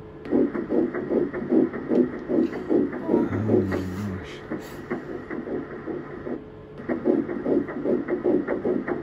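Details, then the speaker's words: Fetal heartbeat on handheld Doppler during an early pregnancy ultrasound scan: rapid, regular whooshing pulses about 150 per minute, a normal fetal heartbeat. "and then i'm just going to put the little doppler on so that you can hear the heartbeat"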